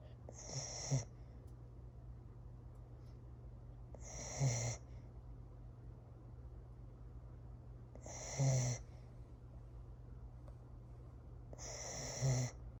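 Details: A Corgi dog sleeping peacefully, with four soft snoring breaths about every four seconds, a whistling edge, and a low steady background hum; snoring.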